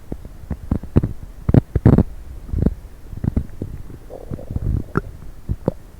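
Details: Stomach noise after coffee and diet coke: irregular low gurgles, squelches, popping bursts and bubbling rumbles; active bowel sounds (borborygmi).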